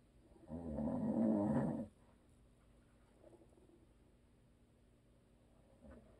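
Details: Adult man, habitual snorer, asleep: one loud, fluttering inspiratory snore, then quiet breathing against faint steady room hum; snoring.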